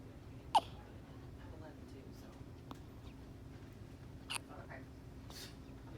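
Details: Hiccups recorded 15 September 2018: two short, abrupt clicking gulps about four seconds apart against steady room noise.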